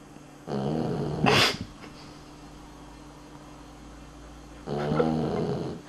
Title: Unser Hund schnarcht - Dog snores